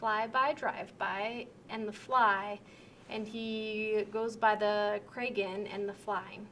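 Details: Simulated demonstration of severe transcortical sensory aphasia during a picture description task, with impaired comprehension, relatively intact repetition and possible unawareness of difficulties; transcortical sensory aphasia.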